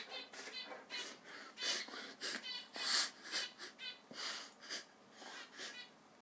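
A dog makes rapid, repeated harsh snorting inhalations, typical of a reverse sneezing episode.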